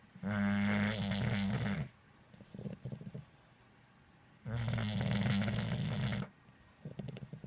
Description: English Bulldog snoring